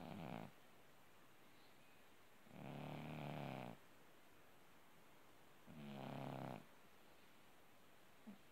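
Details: Orange tabby cat asleep, three slow rattling inhaled snores about three seconds apart with quiet pauses; ordinary sleep snoring.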